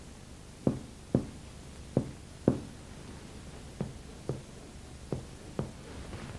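Eight finger-percussion taps; the hollow tympanic note over the gastric air bubble is present but only mildly resonant.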